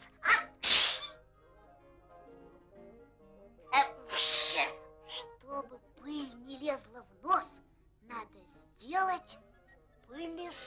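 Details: Sneezing by cartoon characters Screw and Groove in 1960 Soviet animation, from dust they sweep: two sharp, hissing bursts, then a third after a short pause, with soft music behind.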